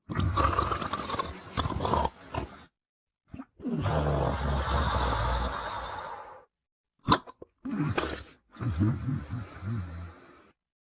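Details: Long, rough, rattling snores with short silent gaps between breaths from a sleeper; snoring.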